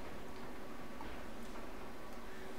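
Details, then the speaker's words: Umbilical artery Doppler at 34 weeks of pregnancy, third-trimester obstetric ultrasound: low, rhythmic pulsing flow at about 130 a minute, pulsatility index 0.90 (below 1.0), normal. "0,90... está menos de 1,0 ainda... este é o IP, índice de pulsatilidade. Está bem normal!"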